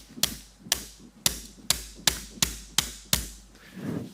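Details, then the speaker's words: Knotless non-self-punching FiberTak hybrid suture anchor seated into bone with gentle taps during all-onlay MPFL reconstruction in a male patient with hard bone: eight sharp, hard taps in quick succession. "And then once we have our knotless FiberTak hybrid anchor, this is non-self-punching, so we can just get it started and then just give it a few gentle taps to seat it."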